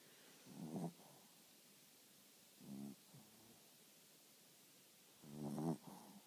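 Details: Dog sleeping with light snoring: three soft, short snuffling snores in a quiet room.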